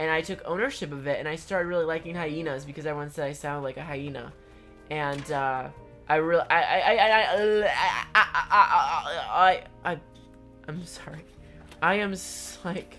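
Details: Female streamer who reports that she sometimes stutters badly when talking on stream; stuttering with word repetition.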